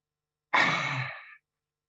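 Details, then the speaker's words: Adult clinician imitating a child who used an asthma inhaler like a cigarette, copying a smoking parent: a single long breathy exhale after inhalation; incorrect inhaler technique. "it was very clear that this child had followed that instruction of watching their parents because their inhaler technique was as follows"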